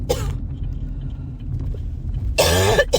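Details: Two short coughs over car road noise while driving, from a new cough in the first couple of days of a common cold.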